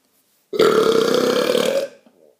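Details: Pretty large burp: one long, loud, rumbling belch lasting over a second.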